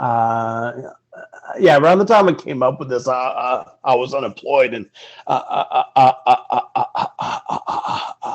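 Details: Stuttering in an adult man speaking in an interview.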